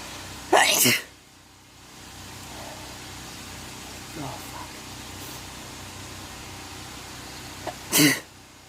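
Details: Uncontrollable sneezing fit at work: two loud, explosive sneezes several seconds apart, with a faint voice between them; repeated sneezing.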